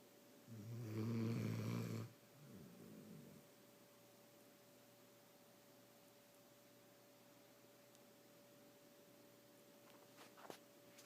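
One loud rasping snore followed by a softer breath, then near silence with a faint steady hum in the room.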